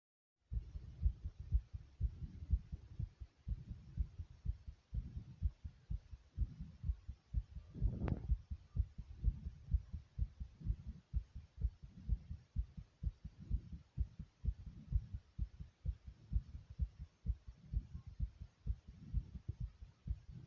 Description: my heartbeat is pounding hard in this video i hope you enjoy it.